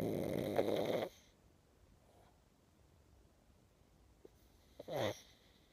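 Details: Pug dog snoring while sleeping and dreaming: two rough snoring breaths about four seconds apart in a quiet room.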